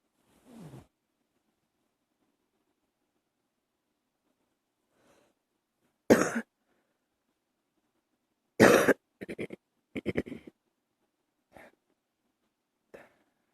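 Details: Early-morning coughing held back to keep quiet: a faint throat clear, then several short, muffled coughs, some in quick pairs, with quiet gaps between them in a silent room.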